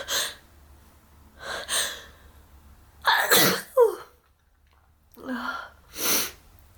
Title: POV: Lying in bed next to you and I sneeze on your face